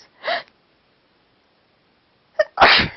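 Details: Sneezing with a cold while trying to talk: two sharp sneezes a couple of seconds apart, the second preceded by a quick catch of breath.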